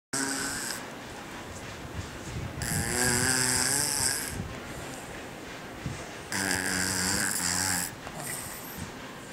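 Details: Rough, buzzing snoring from a sleeping two-and-a-half-year-old boy, about 17 breaths per minute, with some hiss between.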